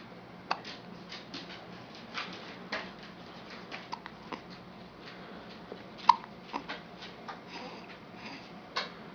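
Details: Infant with hiccups while sitting on father's lap: soft, brief, sharp catches repeating at irregular intervals, about a dozen in nine seconds, in a quiet room.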